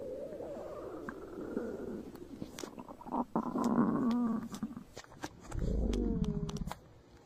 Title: My stomach growling